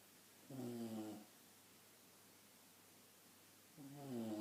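Two drawn-out, rumbling, slightly tonal snores separated by a quiet pause of a few seconds: ordinary snoring in a sleeping dog.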